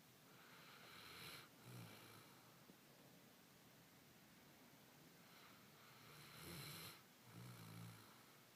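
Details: Ordinary light snoring: soft, faint snores with low fluttering on the in-breath and a hissy out-breath over room noise.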